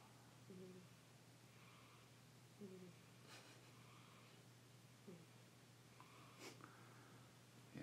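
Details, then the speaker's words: Kitten resting under a couch snores faintly: soft snorting snores recurring about every two and a half seconds over a steady electrical hum. "She hasn't been in here that long, and she's already snoring."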